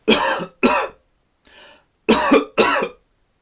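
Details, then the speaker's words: Physiotherapist demonstrating the final ACBT step after two huffs: four deliberate coughs in two pairs with a faint breath between, voluntary coughing to clear loosened secretions. "finally we will try a couple of coughs to try and see if we can remove any secretions that have been loosened"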